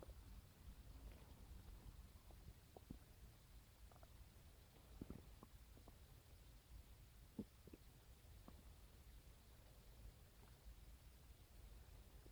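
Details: Own stomach growls recorded on a phone after waking in the morning: soft low rumbling, groans and scattered gurgles with small pops over steady hiss; normal bowel sounds (borborygmi).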